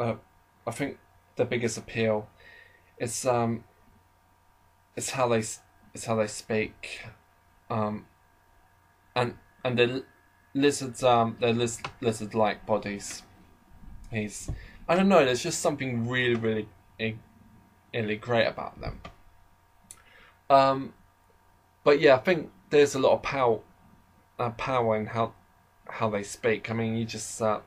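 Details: Adult man who describes himself as slightly stammering, heard in natural conversational speech with part-word and word repetitions; stuttering.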